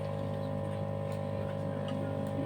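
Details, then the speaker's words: Suction machine running with its tip occluded to check pressure in a nursing skills practicum, pressure rising, maximum 100; adult range 100–150: steady low motor drone with constant hum. "Ini harusnya dia akan ketarik ya. Heeh. Kalau dia ketarik Oke. Nah, itu akan kelihatan nih. Tuh, tekanannya. Meningkat kan?"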